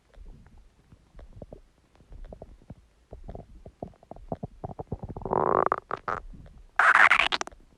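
Irregular gurgles and squelches building to louder, higher rumbling squeals near the end: stomach growling, ordinary gut sounds.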